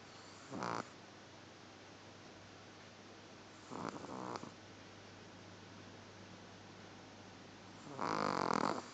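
Three loud, rasping snores at irregular intervals, several seconds apart, over a quiet room: snoring in a sleeping animal.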